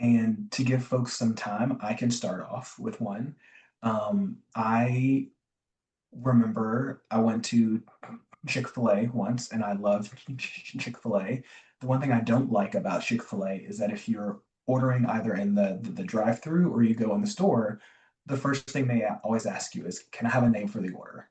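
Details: Adult man, self-described recovering covert stutterer who still stutters; word and phrase repetitions and fillers; stuttering (covert).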